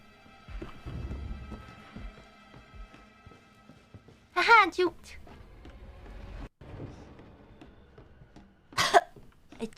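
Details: After being scared during a game stream, a woman gives a few sharp, forceful coughs over game music and background talk; she says she choked. Coughing fit.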